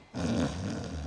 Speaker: You see, hidden deep beneath the snow-capped roofs, there lurks the sound of snoring.